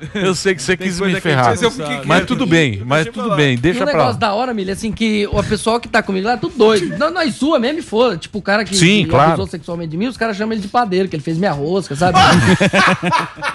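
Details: Adult man with Tourette syndrome since childhood; says he can hold tics back at first before letting them out; garbled, repetitive stretch possibly containing vocal tics.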